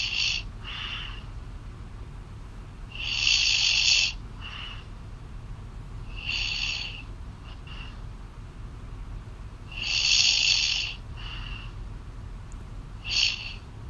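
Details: Girlfriend snoring loudly in sleep, heard over a phone call: rough, hissing snores about every three to four seconds, each followed by a fainter breath, with phone-line hiss.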